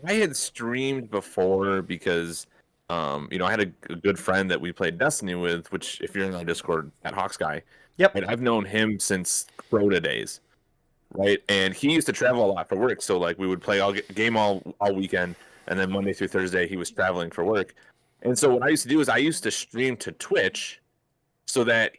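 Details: Adult man speaking; ordinary speech.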